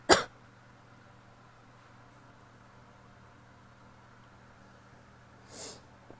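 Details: A single sharp cough from a woman opens, then a long quiet stretch with faint room hum and a softer second cough near the end: an isolated adult cough.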